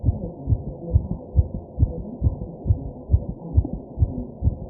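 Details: Regular, rapid, deep thumping heartbeat at about 135 beats a minute, recorded while the person takes deep, heavy breaths; a fast heartbeat.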